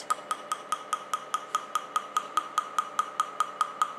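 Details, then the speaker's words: Fotona 4D-type dual-wavelength Er:YAG plus Nd:YAG laser machine firing after the foot pedal is pressed to start a facial treatment demonstration: sharp, evenly spaced ticks at about 290 a minute, each with a brief tone, from pulsed laser firing. "okay when we are ready we need to click the start or the interface and then we need to press the foot pedal to start the treatment"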